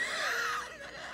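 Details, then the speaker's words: A high, musical whistling breath with a falling pitch from a young woman whose asthma flares badly at this time of year and who cannot find her inhaler: an asthmatic wheeze. "It's just, like, I have asthma. So, like, around this time, I start, like, my asthma acts up really bad. And as you guys know, we go outside, like, pretty much every day. So, today, I'm just not going to go anywhere because I keep wheezing."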